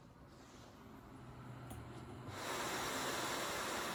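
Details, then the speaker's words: Travel CPAP machine recorded close up: steady airflow hiss growing louder and stepping up sharply partway through as pressure rises; ordinary CPAP machine running noise. "Alright guys, now I said I'll give you a few little pointers on how to reduce the ambient noise from your travel CPAP machine."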